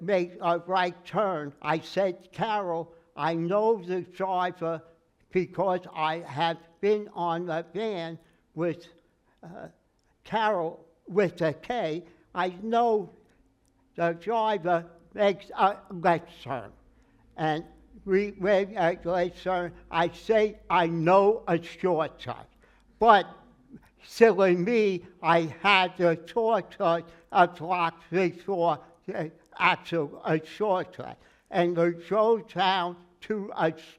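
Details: Aphasia after stroke in an adult male who says he never regained more than 80% of his speech; he works with a speech therapist and an aphasia group, and word-finding errors and garbled phrases occur.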